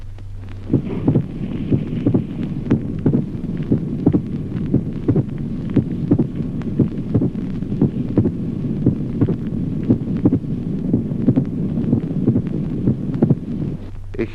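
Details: Pericardial knock.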